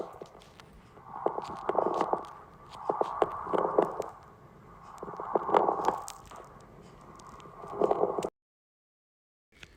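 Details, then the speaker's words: Chest auscultation of coarse crackles: loud, low-pitched liquid bubbling over about four breaths, from large airways opening and closing with viscous secretions, as in chronic bronchitis or bronchiectasis. "apresentam sons de um barulho líquido borbulhando isso ocorre em função da abertura e fechamento das vias aéreas de maior calibre que contém secreções viscosas"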